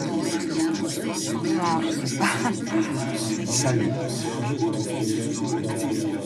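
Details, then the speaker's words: Multi-talker babble noise played all around a patient with partial hearing loss (otospongiosis) during a speech-in-noise hearing test, as the patient repeats the words heard. "Je vais vous envoyer du bruit tout autour. Vous me répétez les mots que vous entendez."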